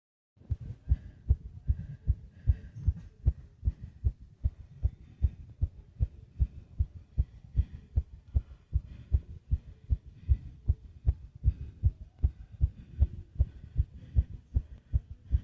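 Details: Fast heartbeat with heavy breathing: rapid, regular low thumps with faint breathy noise in the background.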